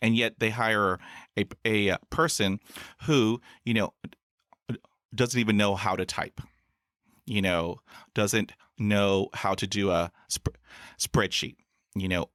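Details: Adult man who stutters and has had about 20 years of speech therapy, in school, in college and in the US Air Force; stuttering.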